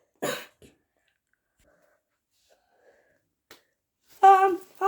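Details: A comedic skit of someone coughing in public, so the cough is acted and not real.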